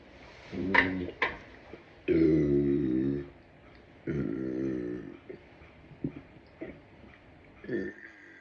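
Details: A run of loud, drawn-out belches with deep, throaty rumbling, followed by smaller burps, described as excessive but bringing relief; burping.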